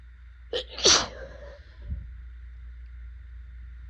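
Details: Person with a bad allergy flare in pollen season, swollen eyes and burning throat: a short inhaled catch, then one forceful, wet sneeze; allergic rhinitis sneeze.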